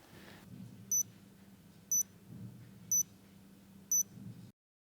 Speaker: push down all the way until you hear a click the patch pump will beep four times